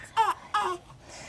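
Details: Newborn in a maternity ward crying during a routine newborn examination, just before the hips are checked for mobility: two short, strong cry bursts, ordinary newborn crying.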